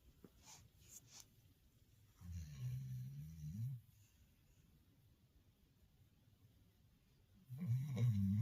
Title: When knocks out he knocks out yes that is him snoring